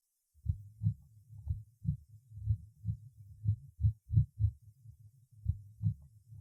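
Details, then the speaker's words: Extrasystoles: low heart sounds in a regular rhythm broken by single premature beats, each followed by a compensatory pause. "при экстрасистолии на фоне правильного ритма слышны одиночные преждевременные сокращения сердца после которых следует компенсаторная пауза"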